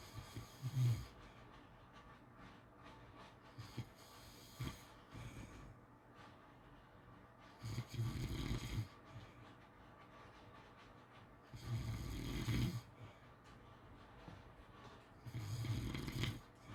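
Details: Snoring during sleep: low rasping snores about every four seconds, roughly 15 breaths a minute, with quiet gaps between.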